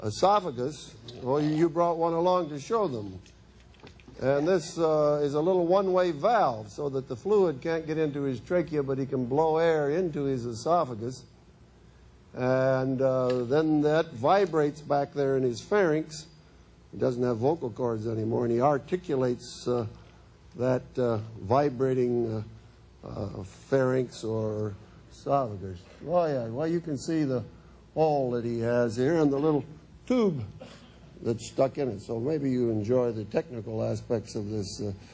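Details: Adult male speaker; normal voice.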